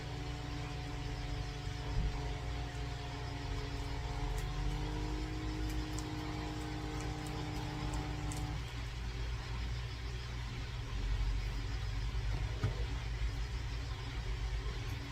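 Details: Automatic blood pressure monitor measurement at home by a hemorrhagic stroke survivor (right-brain stroke, left side affected): steady motor whir as the cuff inflates, then stops and releases; reading 123/86.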